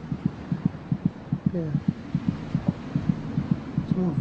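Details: Fetal heartbeat at 26 weeks' gestation, heard over the mother's abdomen: fast, regular thumping at roughly 150 beats a minute, about twice the mother's rate; fetal heartbeat.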